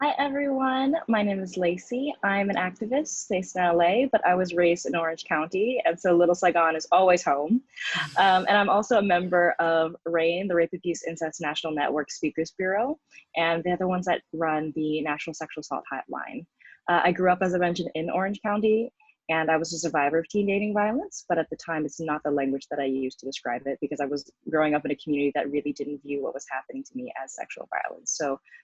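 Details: Adult woman; typical speech.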